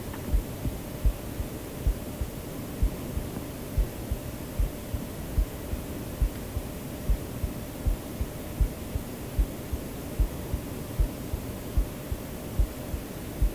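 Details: Self-recorded own normal heartbeat in a sleep-aid recording: steady soft thumps about 74 a minute under constant white-noise hiss.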